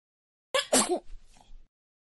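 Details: Infant's single small, sharp sneeze with a brief breathy burst, then quiet soft sounds.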